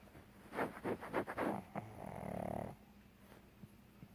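Rapid snorting, rattling noises on the in-breath, then a longer drawn rasp; snoring in a flat-faced dog.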